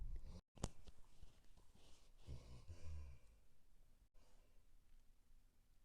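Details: Soft, faint, low rumbling, fluttering snore from a resting male dog lying down, heard in a quiet room against background hiss.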